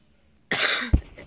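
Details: Person who says they are sick with a headache: one harsh, forceful cough burst ending in a brief throaty catch after a moment of quiet; a single cough during illness.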